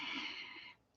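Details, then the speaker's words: Small pet sleeping near the desk snores, picked up by the camera microphone; snoring. "comes in here with me when I get it oh my gosh yes she's snoring and this microphone on this camera you guys is like awesome it picks up everything except everything"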